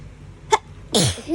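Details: Hay fever sneeze: a quick sharp intake followed by a forceful sneeze.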